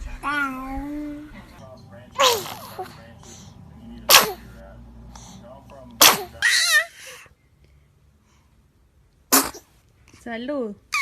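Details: Babies sneezing, compilation: several small, sharp infant sneezes among baby vocal sounds and adults saying "bless you".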